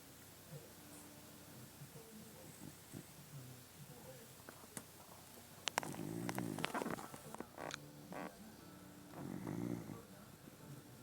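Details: Sleeping dog known as a loud snorer: two rough, rattling snores against a quiet background with faint room noise; snoring.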